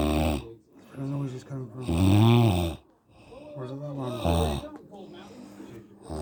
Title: wife snoring God help me